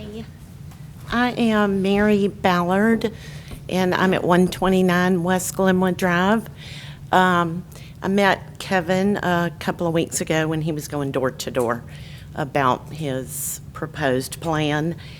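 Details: Adult woman speaking at a public meeting; normal speech.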